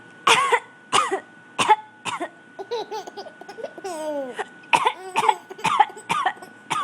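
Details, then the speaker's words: An infant gives several short, deliberate cough-like bursts mixed with giggly vocal sounds, faking a cough for laughs: voluntary (fake) cough. "now who's coughing now he's faking the cough and getting the laughs it's usually you faking the cough"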